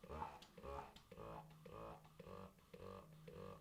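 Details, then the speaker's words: Rapid, regular rhythmic motor pulses with a low hum, about two a second, from a Medela Freestyle Flex electric breast pump running at level one, apparently in stimulation mode, vibrating noticeably. "okay so i'm guessing that this is stimulation mode"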